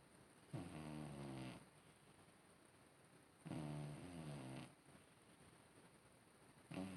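Loud, buzzing snores about three seconds apart, roughly 20 a minute; snoring in a sleeping older cat.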